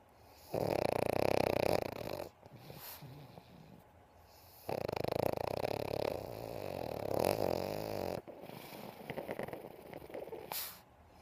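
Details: Female Pug snoring and twitching while asleep: loud, harsh snores on each inbreath with rattling, snorting outbreaths, about three cycles in eleven seconds; heavy snoring.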